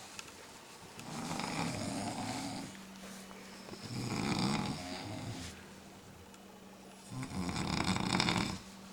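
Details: Loud, rough snores on each breath in from a snoring-contest entrant, about three over nine seconds, with a faint steady hum between them: snoring.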